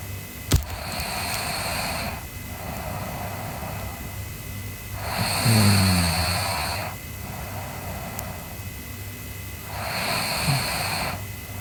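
Three slow breath cycles with a raspy, rattling snore on the in-breaths and steady room noise behind, snoring during sleep.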